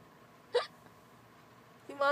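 A single short, sharp voiced hiccup against quiet room noise, followed by the start of another sound at the end.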